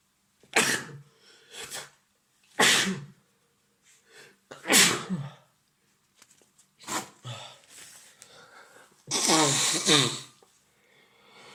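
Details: Acted role-play of an adult man with a cold: a series of about six sharp sneezes with gasping in-breaths; simulated sneezing.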